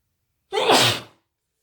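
A single sharp, forceful sneeze burst with a quick intake before it, in a quiet room.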